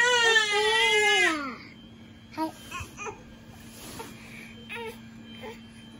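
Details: A baby's high wailing cry lasting about a second, which then stops, leaving quiet room sounds and faint voices, with a Norwegian Forest cat and Ragamuffin cat nearby; infant crying.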